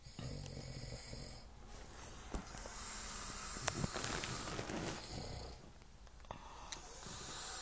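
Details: Adult boyfriend snoring in sleep: long, rough, rattling breaths recurring every few seconds with a low fluttering rumble and brief quiet gaps.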